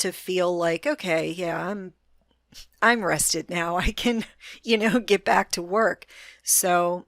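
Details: Adult female with a self-reported moderate, not severe stutter that she can control most of the time; stuttering.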